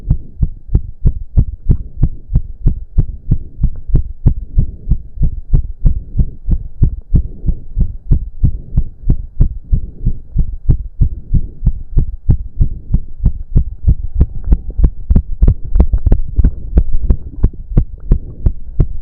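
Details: Male during a roughly 15-minute intense cardio workout, with heavy breathing. Very fast, strong, regular, deep thumping heartbeat of about 185–190 bpm; reported close to 200 bpm. Exercise-induced sinus tachycardia.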